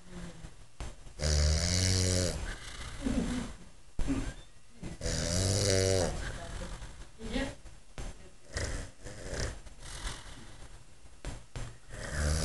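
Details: Snoring: loud rattling snores on each breath in, with quieter breathing between them.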